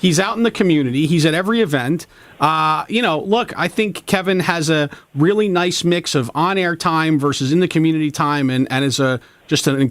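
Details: Adult man speaking; normal voice.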